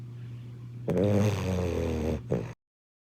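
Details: Sleeping boxer puppy snoring: one loud, rough, rattling snore over a second long, then a short snort, with nasal vibration.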